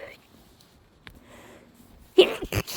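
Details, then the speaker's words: Start of a sneezing fit just after a small amount of potent fresh chhinkni nasal snuff, first use in a while: quiet breathing and a faint sniff, then two quick loud sneezes in a row. "Whew, wow. I forget how potent it is. Okay. I can already feel them starting."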